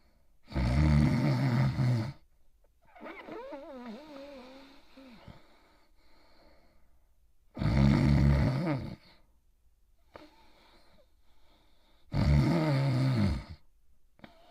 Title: Itchy Itchiford Sleeping & Snoring In His Bed